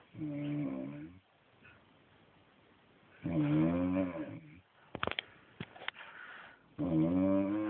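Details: Man snoring in bed: loud, rumbling snores on each inhalation, about one every three seconds, with quieter breathing between.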